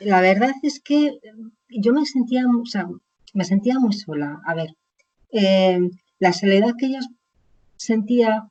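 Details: Aphasia in an adult woman, caused by a stroke about 20 years earlier; chronic post-stroke aphasia.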